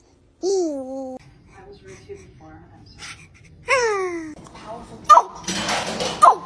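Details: Newborn girl makes small squeaks and vocal sounds followed by two brief, sharp sneeze bursts; newborn sneezing.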